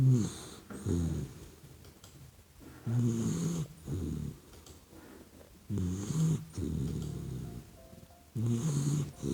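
Regular rumbling snores from a sleeping puppy, about 20 breaths a minute, with faint background music.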